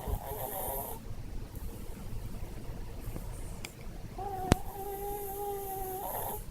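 Soft, low rumbling breaths of a sleeping small dog with a faint tone and room noise; snoring.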